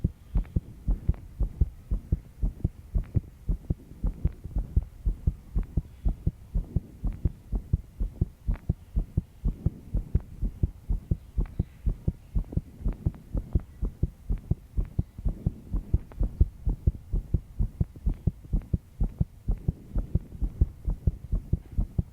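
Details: 22-year-old female's heartbeat while stressed after an all-nighter: steady, regular low heart thumps with faint background hum and noise.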